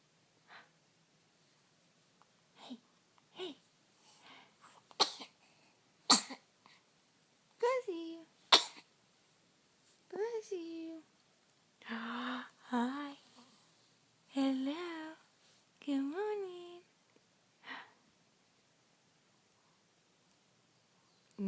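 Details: Baby sneezing: several small, sharp sneezes, followed by an adult's soft, cooing voice.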